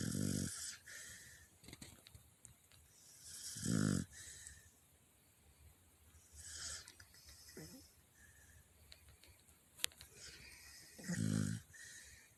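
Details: Mozzy, tired from running, snoring while asleep on a bed: loud rattling snores every few seconds with quieter wheezy breaths between.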